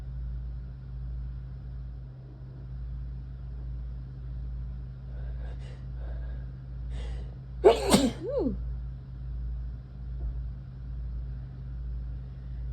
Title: October sneezes